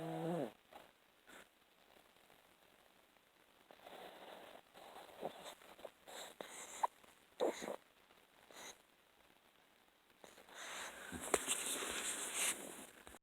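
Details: A sleeping cat snoring: soft, irregular, noisy breath sounds of light snoring.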